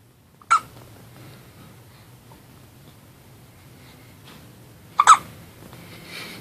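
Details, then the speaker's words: Baby's first hiccups before sleep: two short, sharp squeaky catches of breath, like a little squeaking duck, about four seconds apart in a quiet room; hiccups. "so cute you're like a little squeaking duck poor girl this hiup must be painful huh"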